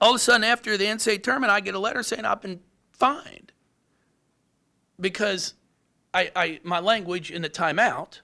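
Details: Adult male speaker; stuttering.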